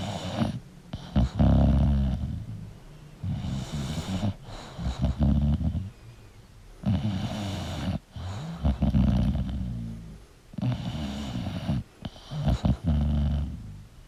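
Loud, rough, rattling snores from a sleeping bulldog, about 16 a minute, irregular, with snorting on some breaths.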